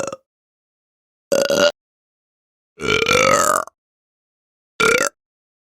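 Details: Human burping sound-effect recording: four loud, rumbling, throaty belches separated by silence, one long and drawn out.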